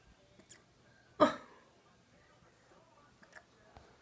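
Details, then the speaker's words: Hiccups in a puppy, recorded at night after about a week with the owners: a single sharp, abrupt hiccup-like burst with a few faint clicks in a quiet room. "Your hiccups are so adorable."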